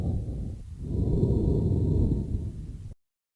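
A hollow, blowing breath sound with a faint ringing, resonant tone, like air blown across an empty bottle: amphoric breathing.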